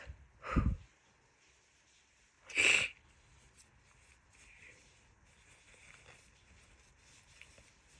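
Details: Female with a severe summer head cold: two forceful sneezes a couple of seconds apart in a quiet room.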